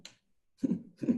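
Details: Adult male police officer with Tourette syndrome, in an interview: two short, low, gruff throat-clearing bursts after a brief silence, a simple vocal tic.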